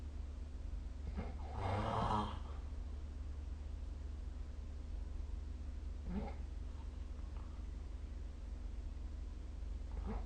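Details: Snoring during sleep recorded with the SnoreLab app: rough rattling breaths, one loud snore then quieter ones, over steady room hiss.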